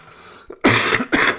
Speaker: yeah that sounds that sounds pretty fun actually sorry a little bit of a smoker's cough there